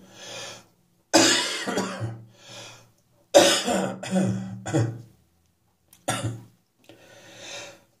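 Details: A lingering cough that is still hanging on: several harsh, hacking cough bursts in short runs with throat-clearing between them, heard again in the morning.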